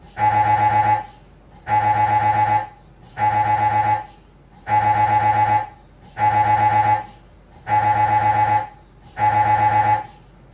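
Loud, steady buzzing tones pulsing on and off about every second and a half, the repeating gradient noise of an MRI scanner during imaging.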